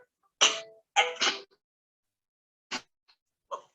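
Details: Child with Tourette syndrome, recording played in a lecture on tic disorders: sudden, brief throaty bursts like coughs or sniffs break out irregularly, simple vocal tics.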